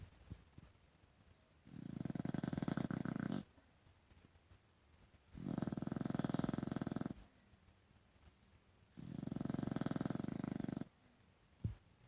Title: Stinky snoring